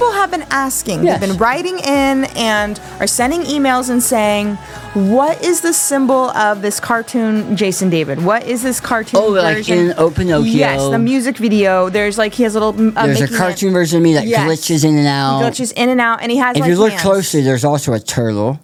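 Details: Adult woman in conversation with a co-host; typical speech.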